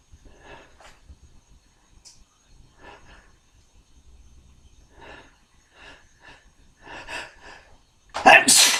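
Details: Adult sneezing from a tickle after drinking beer: a run of small, stifled sneezes and catching breaths, ending in one full, loud sneeze.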